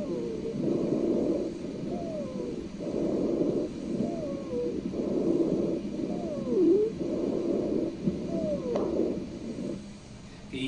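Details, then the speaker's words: Teaching demonstration of wheezing: repeated breaths with high-pitched musical whistling tones mainly on expiration, wheezing from narrowed airways, typically heard first on expiration then later on inspiration. "so we typically hear wheezing first on expiration and then later on inspiration okay let's take a listen to what wheezing sounds like"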